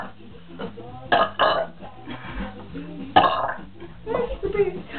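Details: Two girls deliberately burping as much as they can after drinking root beer and eating Doritos: several loud, drawn-out belches amid talk, with music in the background.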